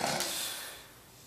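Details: English Bulldog Bella, the loudest snorer of the family's bulldogs, napping after outdoor play and still snoring when woken; a single brief, harsh, raspy noisy breath fading within a second: snoring.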